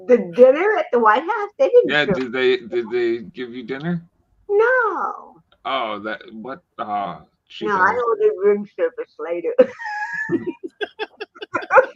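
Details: Woman born with cerebral palsy in 1956, speaking in an interview. Finding: dysarthria (cerebral palsy).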